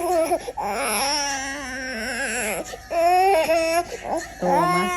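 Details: Baby with cough and cold crying during a baby massage: sustained, strong, wavering cries with short breaks for breath, no hoarseness or stridor heard.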